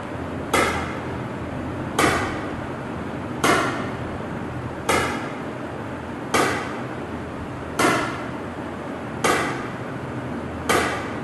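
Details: ESWL of a roughly 13 mm left kidney stone, usually 2500–3000 shocks per session: sharp, regular snapping shocks, about 41 a minute, over steady machine hum; lithotripter shock waves breaking the stone.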